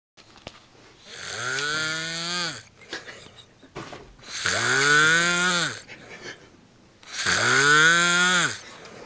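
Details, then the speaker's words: Snoring from a man sleeping at 3:30 a.m. with a pillow over his nose: loud, rasping, droning snores on each in-breath, three in about nine seconds, roughly 20 breaths a minute. "hmm that was 3 30 a.m adam snowing with the pillow over his nose so you can't hear it"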